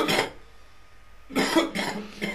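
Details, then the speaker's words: Demonstration of a productive wet cough in an ENT lecture on laryngitis: two cough bursts with a moist, rattling quality, bringing up phlegm and mucus, contrasted with a dry cough. "مخاط بيطلع مع ايه مع الكحه دي اسمها كحه ايه كحه ببلغم او كحه ايه برودكتف كاف او و ايه او ويت كاف"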